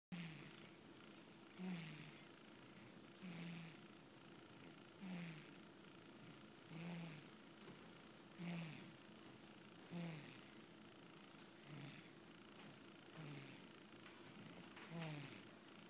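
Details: Cat snoring while asleep after feeding; soft, regular low snores about every 1.6 seconds, roughly 38 a minute; ordinary snoring.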